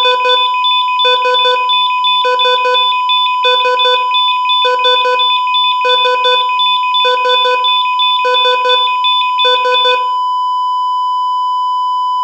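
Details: Simulated EKG heart monitor sound effect: beeps in quick triple bursts, about 50 groups a minute, over a steady electronic tone; ECG heart monitor beep.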